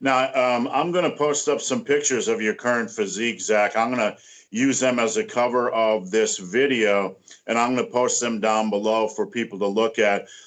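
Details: Adult man speaking; typical speech.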